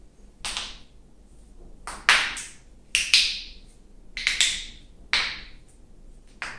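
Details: Self-induced knee popping, deliberately cracking the knee to release tension: sharp, dry pops and cracks, about ten in quick irregular bursts; knee joint popping.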